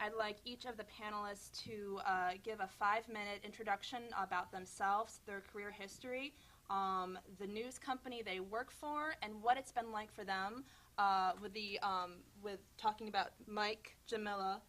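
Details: Adult woman speaking; normal voice.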